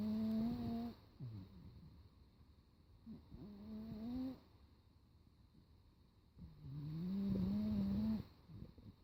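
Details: Cat (kitty) snoring during the day: three long, rough, tonal snoring breaths a few seconds apart with quiet pauses; snoring.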